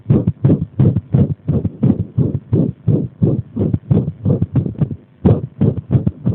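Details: Arrhythmia induced by compression: rapid, muffled heartbeats with uneven spacing and an occasional pause, an irregular heartbeat.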